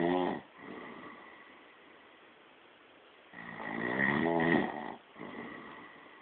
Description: i got caught snoring, it wasnt me!?